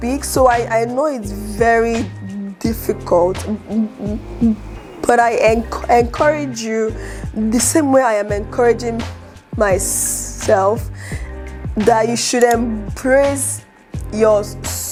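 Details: Adult woman who stutters and is an aspiring public speaker, with word and phrase repetitions heard; stuttering.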